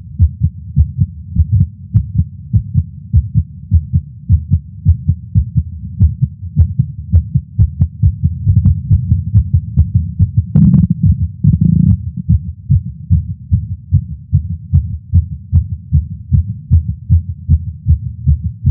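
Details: Male's heartbeat recorded with a Stemoscope while smoking a cigar after not smoking for a while, feeling lightheaded: rapid, regular heartbeat of roughly 140 beats a minute with a low hum and brief rubbing noise; tachycardia after nicotine.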